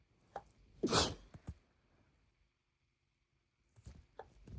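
In a quiet room, a sharp burst followed by brief gasps, then softer bursts: a held-back sneeze that escapes, with further stifled sneezes.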